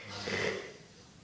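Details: A single brief, harsh snort through the nose fading into soft breathing from a Boston Terrier in deep sleep; snorting.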